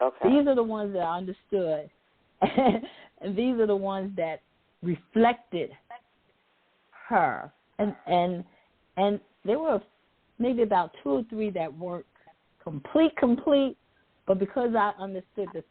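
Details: Adult woman who says she stutters sometimes, with part-word and word repetitions; stuttering.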